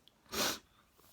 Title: - Just Before Bed